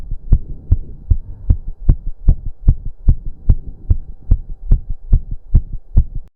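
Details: An adult male's very fast, strong, regular pounding heartbeat during an intense cardio workout he cut to 15 minutes, with heavy breathing and a low hum behind; he reports it was close to 200 bpm; a fast heartbeat during exercise.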